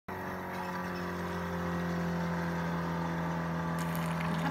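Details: Huaer portable dental unit during vacuum pump testing: steady low motor hum with a constant drone and rushing air noise as the suction pump runs normally.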